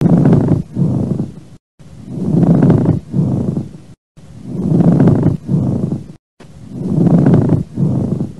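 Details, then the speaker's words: Coarse, low grating sound in both inspiration and expiration, about 28 per minute, from lung auscultation with a stethoscope on an adult male patient, possibly simulated: pleural friction rub, said to occur in cases such as influenza. "Então, quando os pulmões se expandem e abaixam, né, através da inspiração e expiração, ou seja, da ventilação, essa capinha acaba se atritando. Então, ela fica... Ela faz ela dá um atrito."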